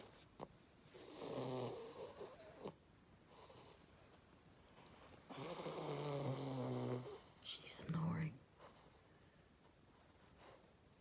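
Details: Female sleeping on her owner, snoring: rough, vibrating breath sounds on two long breaths with soft whistling between, in a quiet room.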